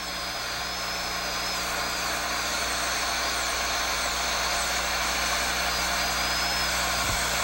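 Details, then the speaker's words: Continuous high-pitched dental drill whine over low hum as burr reduces the distolingual cusp, passed mesiodistally along cusp slope, during occlusal reduction of a child's mandibular left second primary molar (gross caries) for a stainless steel crown. "Position the burr at the angle of the cusp slope and pass it mesiodistally over the cusp, following its anatomy."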